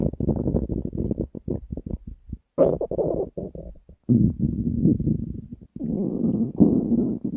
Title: Special Stomach Growl!